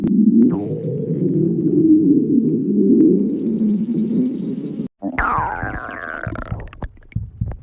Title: Pan stomach growling 16